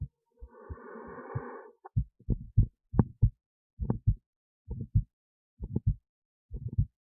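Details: Own heartbeat recorded with an esophageal stethoscope resting in the esophagus near the heart, alongside an EKG: steady, regular paired thumps at about 67 a minute after early handling noise; normal heart sounds.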